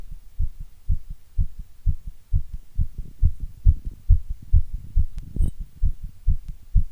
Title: Heartbeat sound ❣️